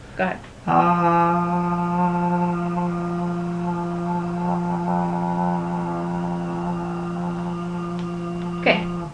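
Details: Adult male patient sustaining 'ah' as long as possible during a clinical bedside swallow evaluation, judged perfectly normal by the clinician; normal sustained phonation.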